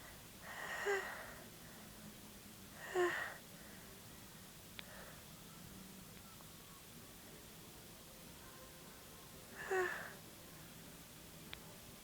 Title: Bored Sneezes